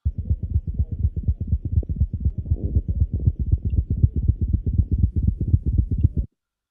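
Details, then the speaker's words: Tachycardic cat: rapid, regular low thumps in clusters of three per cycle instead of two (tu-tu-ru), sometimes hard to hear; a gallop rhythm. "El punto es que en vez de doom loop, escucho tuturu, tururu, tururu, tururu, tururu. Hay 3 ruidos por ciclo. 3 ruidos que son a veces difíciles de escuchar."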